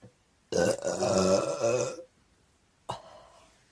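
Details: One loud, long, rumbling burp lasting about a second and a half, followed by a short second gulp, from a person who says they drank too much cider and have hiccups; belching.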